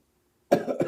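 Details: A single sneeze in slow motion: silence, then an explosive burst with a trailing second push, slowed so it sounds deep and drawn out.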